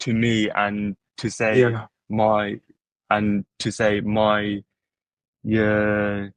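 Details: Adult who stutters, with word repetitions: stuttering.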